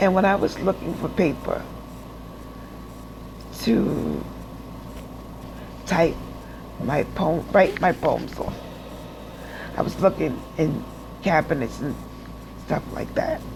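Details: Adult woman with aphasia after stroke who says she doesn't speak well, still takes speech classes, and is in rehab relearning to walk after hospital stays; real speech; aphasia after stroke.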